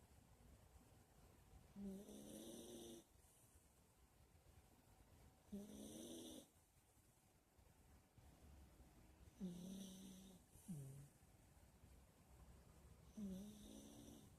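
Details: Rough, rattling snores on each breath, about 16 a minute, with quiet pauses between; ordinary snoring in sleep.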